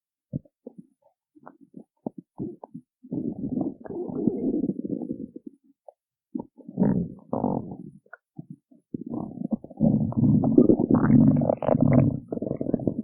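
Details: Stomach growling after she skipped breakfast: bursts of low gurgling and rumbling with short pauses, typical of an empty stomach.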